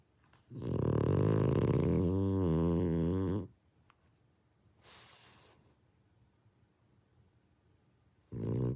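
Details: Brindle French Bulldog snoring as loudly as a middle-aged man: a loud, rattling, rough snore on a long breath, then a quiet pause and a snort, while asleep.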